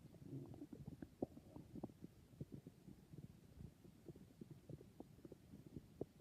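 Soft, ongoing gurgles, clicks and low rumbles from the belly: ordinary stomach growling as the gut moves gas and fluid.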